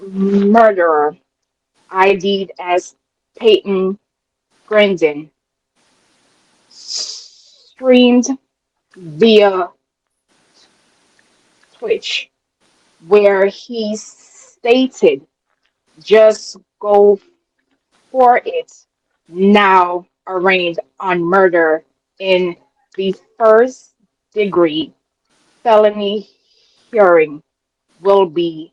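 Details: Adult woman with a self-reported, audible speech impediment she calls her "disability"; real speech: speech impediment.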